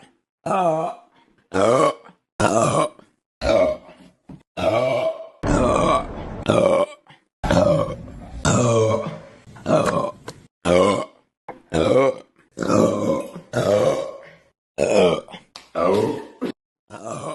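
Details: Long run of loud, deep, voiced belches, roughly one a second, separated by brief pauses; burping.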